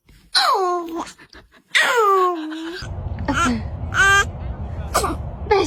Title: Baby sneezes #trendingshorts #tiktok #shorts